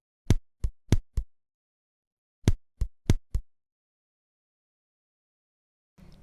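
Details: Simulated auscultation of ventricular bigeminy, a form of extrasystole: heart sounds come in pairs of beats, each pair followed by a long pause.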